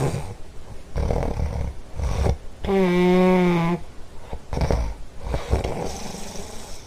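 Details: Snoring in a sleeping dog: rough, rattling breaths in and out with one long, whistling-toned snore in the middle.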